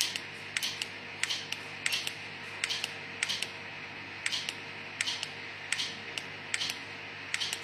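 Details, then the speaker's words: Q-switched Nd:YAG laser removing a patient's self-made tattoo marks (flower tattoo and a letter Z): crisp snapping clicks in irregular pairs and short bursts over steady room hum as the laser pulses fire. "देखिए ये tattoo marks हम खत्म करेंगे laser से।"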